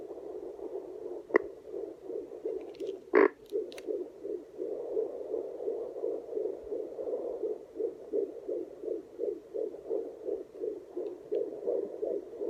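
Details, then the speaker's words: Fetal heartbeat on a home handheld fetal Doppler, mother lying back: fast, regular whooshing pulses about 140 a minute with brief movement thumps; usually 122, sometimes 170. "that's pretty much it her heartbeat is usually up to 122 sometimes 170"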